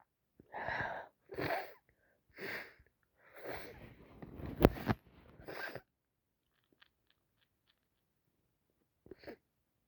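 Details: Adult with a cold, sneezing all day and very snotty; run of about six sneezes in quick succession, a pause, then one more.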